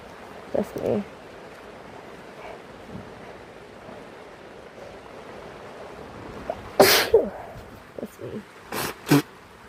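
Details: Three loud explosive sneezes from a sick person, the first strongest, with quick breath intakes before them, over steady rain on a tent and a few soft vocal sounds.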